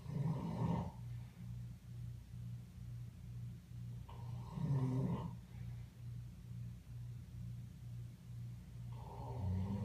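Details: Snoring from a sleeping animal of unknown kind (owner asks what animal it is): slow rasping snores on each breath, about every four seconds, with a steady low fluttering rumble between them.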